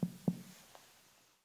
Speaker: in contrast the percussion sound of hollow air-filled intestines is more drum-like in nature and is therefore known as tympanic or tympanitic